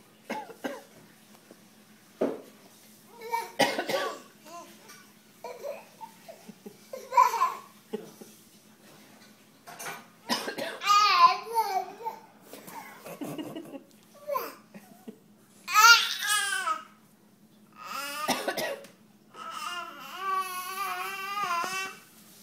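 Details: Young child deliberately fakes a cough: a string of put-on voluntary coughs mixed with giggly, sing-song voice sounds.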